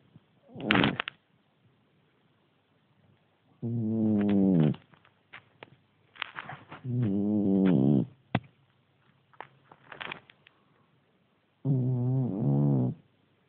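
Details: Loud, deep, rattling snores in separate breaths from a sleeping cat, with short quiet gaps between them; cat snoring like an old man.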